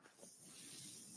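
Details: Podcaster's own mechanical ventilator in background: soft, steady hiss of moving air builds and holds as it delivers a breath; mechanical ventilator airflow.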